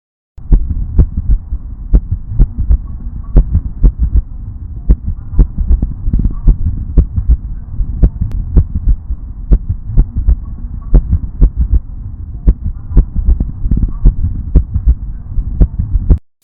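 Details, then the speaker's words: Heart auscultation of a bulldog with Boxer (arrhythmogenic) cardiomyopathy recorded in routine practice: rapid, irregular heartbeat in a repeating uneven pattern, no murmur; ventricular trigeminy, two normal beats then a premature beat. "Para finalizar nosso vídeo, vou mostrar imagem de Holter apresentando exemplos de trigeminismo de origem ventricular e supraventricular e vamos mais uma vez escutar o áudio deste paciente."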